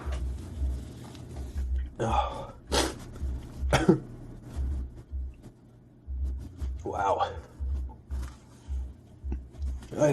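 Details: Sneezing fit: a run of forceful sneezes with gasping breaths between them over low background rumble.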